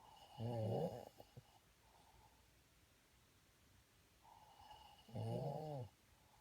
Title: Snoring 11221963